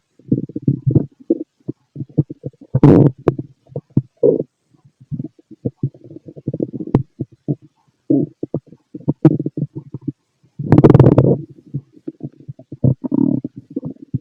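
Loud, close-up gurgles and rumbling squelches in bursts through the stethoscope; active normal bowel sounds of stomach growling.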